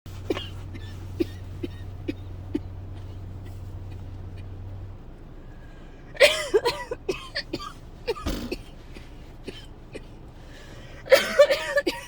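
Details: Persistent dry coughing fit since waking, likely getting sick: repeated short dry coughs, then two clusters of harsher hacking coughs with gasps; dry cough.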